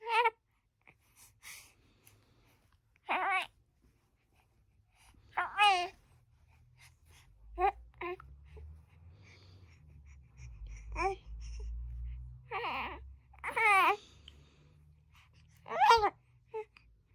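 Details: A baby boy with hiccups he can't stop: brief voiced gasps at irregular intervals, about 27 a minute, with short fussy squeaks, over low room hum.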